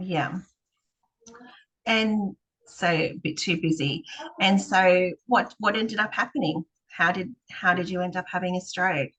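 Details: Adult speaker; no voice, speech or language disorder.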